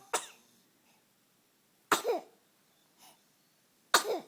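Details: Three short, sharp, dry coughs about two seconds apart in a quiet room; cough.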